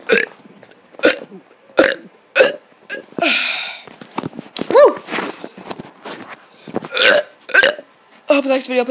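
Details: Deliberate "mega burp": a run of about a dozen short, loud belches in quick succession, with brief voice sounds between; repeated burping.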